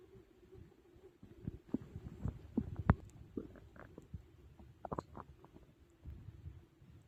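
Irregular gurgles and low rumbling from the belly, a normal sound of digestion after a large meal.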